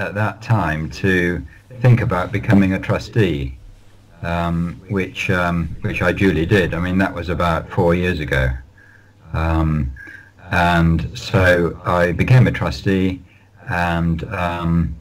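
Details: Lifelong stuttering (stammering) in an adult male, managed with prolonged speech and relaxation techniques.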